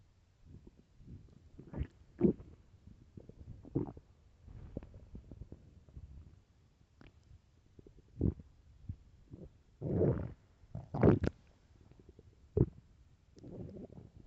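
Repeated low groans, gurgles and squeaky rumbles from the belly, a very hungry stomach growling. Ordinary bowel sounds.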